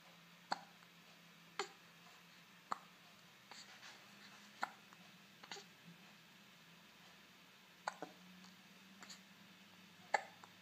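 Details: One-month-old baby boy with repeated sharp, brief hiccups about one per second in a quiet room, seeming upset by them; hiccups.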